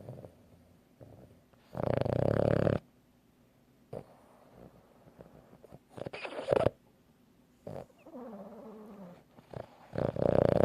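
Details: Loud rasping snores on inhaled breaths, with quieter sounds between them; snoring.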